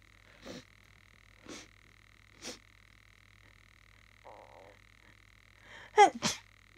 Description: Trying to catch some sneezes into a tissue. Achoo!